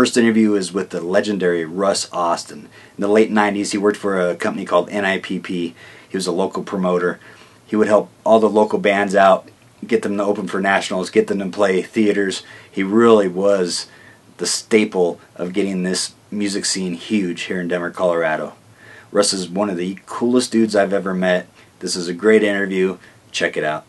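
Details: Adult male narrator; normal speech.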